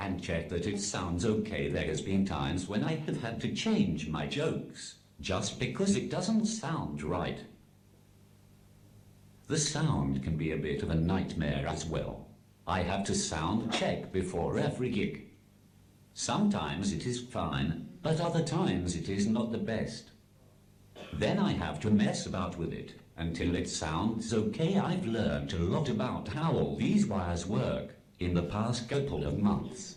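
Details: Text-to-speech communication aid used by an adult man; Synthesized speech from a speech-generating device.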